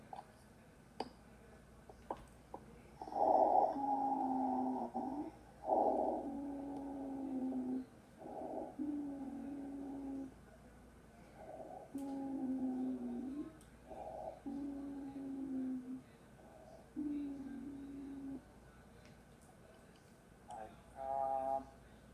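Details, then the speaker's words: Lecture example of a wheeze from airway narrowing: repeated musical, whistling breath sounds with each breath; wheeze can come from asthma, heart failure, congestion or pneumonia. "Okay, this is a wheeze. This is a wheeze, and this is also narrowing of the airway."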